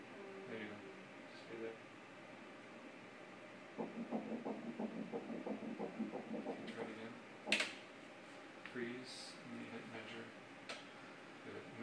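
Rapid, regular pulsing at about 180 beats a minute with quiet talk around it; an early pregnancy fetal heartbeat at a normal rate.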